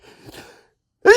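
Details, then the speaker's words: Announced, talked-through sneeze after saying it tickles a lot; soft breathy build-up, a brief pause, then the onset of a loud sharp sneeze burst, an ordinary sneeze, one of several big sneezes and failed holdbacks. "I'm gonna sneeze. I'm gonna. Ew. Oh, that was big. It really tickles a lot."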